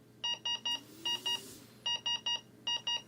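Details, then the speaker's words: Repeating groups of high electronic beeps from a Vivo 65 ventilator apnea alarm, triggered when no spontaneous patient breath is detected within the set time (e.g., five seconds); tutorial demonstration. "if for example this alarm is set at five seconds and there is no spontaneous breath from the patient in that time then this alarm will sound"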